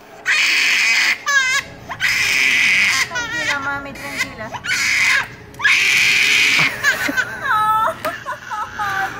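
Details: 4-month-old baby girl having her ears pierced: loud, high-pitched, intense bursts of crying with brief gasps between and adult voices in the background; an acute pain cry.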